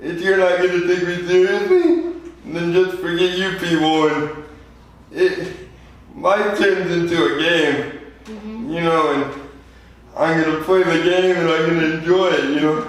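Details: 24-year-old man with lifelong spastic quadriplegic cerebral palsy after premature birth at 2 lb 4 oz; dysarthria (cerebral palsy).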